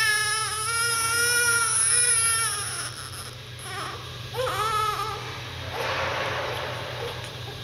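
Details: Newborn baby's hunger cry: short, rising-falling wails with a "neh" quality, made as the sucking reflex shapes the sound.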